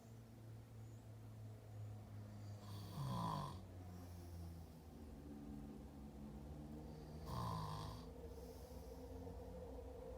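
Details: Brother asleep: two soft, rasping snores about four seconds apart over a steady low room hum; mild snoring.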